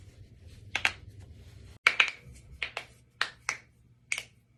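Several sharp popping clicks, mostly in pairs, from joints cracking; ordinary harmless joint cavitation.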